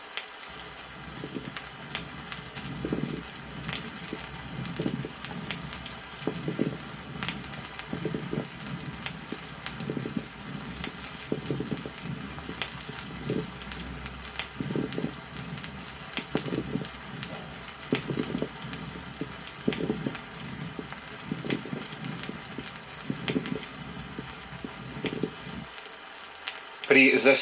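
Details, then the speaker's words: Lung auscultation: repeated bursts of bubbling, crackling sounds over breathing, another variant of moist sonorous (consonating) crackles. "послушайте другой вариант влажных звонких"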